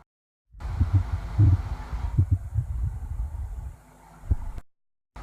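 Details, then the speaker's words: Hyperactive bowel sounds heard by stethoscope on the umbilical and iliac regions of the abdomen in diarrhea: frequent low gurgles and rumbles. "Hyper active vowel sound stethoscope से इस प्रकार का सुनाई पड़ता"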